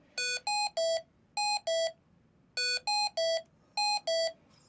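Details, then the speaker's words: Repeating groups of loud electronic beeps in falling-pitch patterns from a Hamilton-T1 ventilator just after starting ventilation, continuing until silenced or the issue is fixed; ventilator alarm. "that's the alarm sound that you you'll hear unless you hit the alarm signs button or fix the issue okay"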